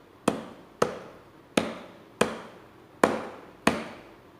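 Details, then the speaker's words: Six hollow, sharp claps at an uneven pace, about 40 a minute: cupped-hand chest percussion (clapping) to loosen sputum, demonstrated on a patient in a nursing lab chest physiotherapy practical. "tapi kalau klipping itu hentakannya itu tidak menyakiti pasien tapi dia memberikan tekanan yang kuat pada daerah yang ada sebaiknya ya jadi gerakan kliping seperti ini"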